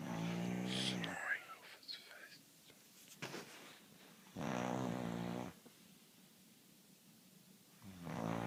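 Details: A man snores with loud rattling sounds on the in-breaths, separated by quiet pauses of several seconds: ordinary snoring.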